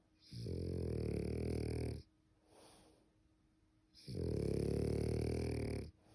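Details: Sleeping French bulldog: two long, deep, buzzing snores on the breath in, with a soft breath out between them; loud snoring.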